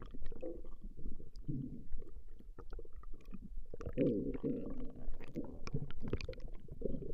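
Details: Recorded stomach growling of a female: continuous low gurgling and rumbling from the belly, ordinary bowel sounds (borborygmi).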